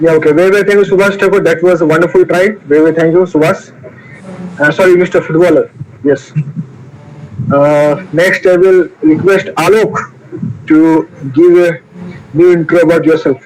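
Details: Stuttering in a male participant of an online session for people who stammer, introducing himself.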